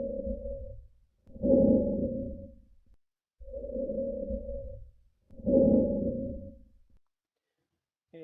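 Loud, hollow, harsh breath sounds over the trachea, with inspiration and expiration of similar length, simulated.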